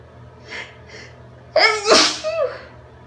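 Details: Induced sneeze from a female: faint inward breaths, then a single loud explosive sneeze with a voiced trailing tail, over steady low room hum.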